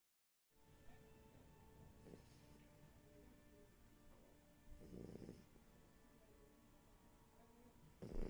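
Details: French bulldog, described as a very loud snorer, sleeping: faint snorting snores about every three seconds from a flat-faced dog under background music; snoring.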